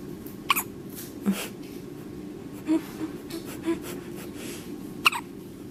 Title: Hiccups and Sneezes